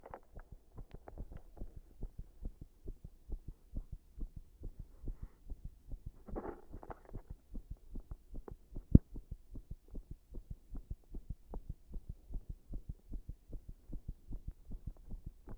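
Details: Rapid, closely spaced heart thumps with an irregular rhythm; an arrhythmia brought on by pressing on the chest.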